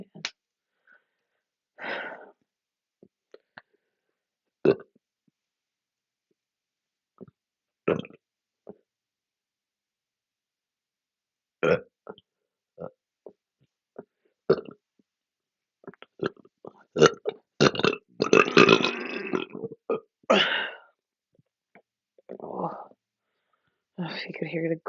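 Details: Adult chugging a drink and burping deliberately: several burps with a longer rumbling burst near the end, among small clicks and swallowing noises; belching.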